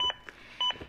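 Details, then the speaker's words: CPR metronome beeps from a ZOLL AED Plus travel trainer during a simulated rescue on a manikin with pads and a heart simulator: bright beeps about half a second apart, an adaptive metronome pacing compressions to at least 100 per minute. "the beats act as an adaptive metronome that monitors my compressions and tries to speed them up to at least 100 per minute"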